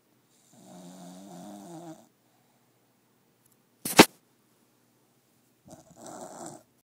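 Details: A dog snoring while asleep in bed: two rattling, whistling snores with a sharp click between them.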